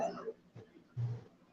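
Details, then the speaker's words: Two or three muffled, low bursts of coughing from a distance, an adult brother coughing in another room, against quiet room noise; cough. "hear my brother? He's coughing up lungs."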